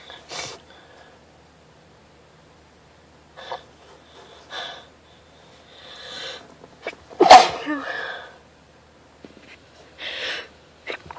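Sniffs and small catches of breath, then one sharp, explosive sneeze, followed by more sniffling.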